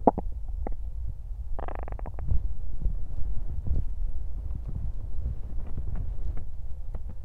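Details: Woman's (girl's) belly during hunger and digestion: low rumbling and gurgling with a brief bubbly burst; stomach growling (bowel sounds, borborygmi).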